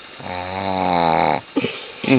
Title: My Shih Tzu snores like a freight train: She's keeping me up at night! HILARIOUS footage